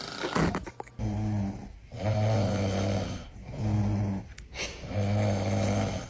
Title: The Best Snoring Moments🤣🤣 #snoring #sleep #sleeping#usa